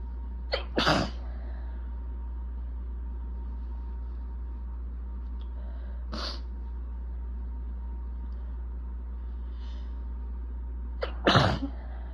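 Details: Allergic sneezing fit with itching and building nasal congestion: three forceful sneezes, the first and last with a sharp inward catch before the burst, over a steady room hum.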